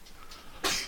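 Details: A child's single sneeze heard in the background of a quiet room: one sudden, sharp, airy burst.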